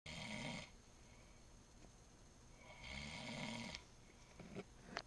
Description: Playing around to my friend snoring